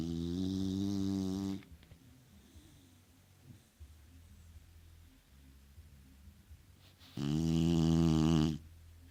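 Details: Snoring from a sleeping beagle (female dog).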